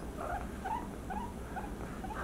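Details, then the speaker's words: Young guinea pig with loud wheezing, X-ray fluid in left lung, likely traumatic pulmonary haemorrhage; chest painful on both sides; stethoscope auscultation: short repeated high squeaking distress cries over low rumble, very fast heart rate, some lung sounds with fast breathing. "so quick of auscultation steroscope i can hear the cries there"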